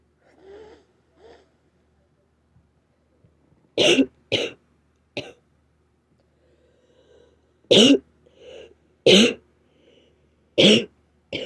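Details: Adult still sick with a cold, with a very sore throat, gives about six short, harsh, raspy dry coughs with softer throat-clearing sounds between.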